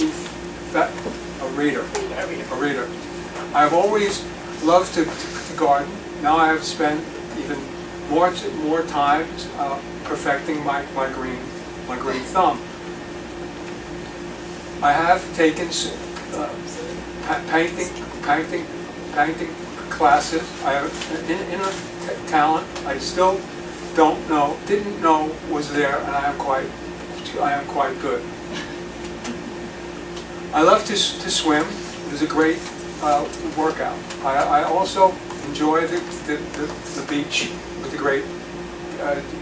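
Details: Retired male pediatrician with aphasia after a 2014 left-hemisphere stroke from a torn carotid artery, initially paralyzed and speechless, right-side movement since returned, slowly improving with speech therapy; aphasia.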